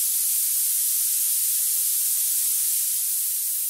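Steady high-pitched hissing noise band centered around 11000 Hz, used to match tinnitus pitch.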